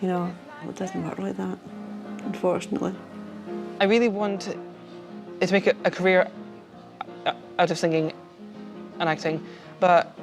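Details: 28-year-old man from London who stammers and has avoided the phone; stuttering.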